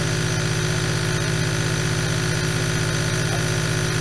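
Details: Steady loud mechanical hum and buzz with a constant hiss, the continuous drone of a nebulizer compressor producing mist; an eight-hour ASMR recording.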